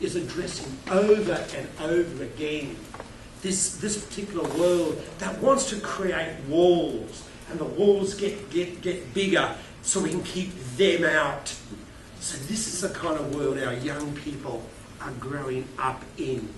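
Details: Adult male keynote speaker with a self-reported stutter who finds microphones scary, speaking at a conference; word repetitions; stuttering.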